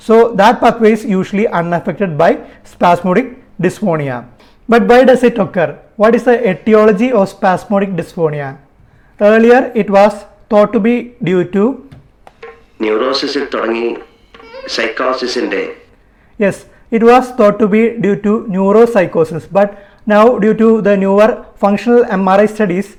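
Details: Adult speaker; normal speech.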